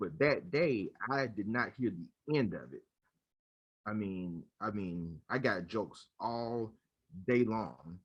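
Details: Adult man who stutters, speaking in a conversation between two people who stutter; he recalls using silent blocks in his school years; stuttering.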